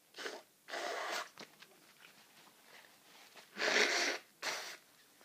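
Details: Really powerful sneezes with hay fever and a cold, several forceful explosive sneezes in quick clusters, some partly stifled mini fits, with sniffing between them.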